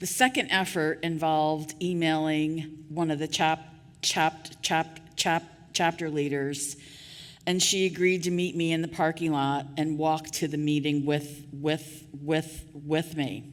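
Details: Adult woman with stuttering, covert for years before she began speaking openly about it; real, not acted, during a keynote address: stuttering.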